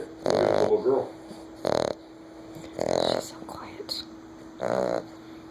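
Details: 9-week-old American Bulldog puppy asleep, four loud, rough, rattling breath noises in about five seconds over a steady hum; snoring.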